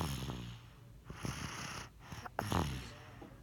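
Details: Sleeping Zoe gives soft, snorting, rattling breaths with some uneven breaths; sleep snoring.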